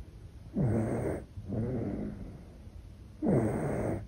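Soft, rough snoring breaths in a steady rhythm, about 22 a minute, from a sleeping baby.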